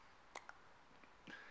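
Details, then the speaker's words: Hiccups recorded in the early evening on a Flip Video camcorder while home cures (knocking, tickling) weren't working: two brief, sharp, quiet gulping bursts close together, then a faint third, in a quiet room. "knock our cures for the hiccups aren't working no tickle tickle"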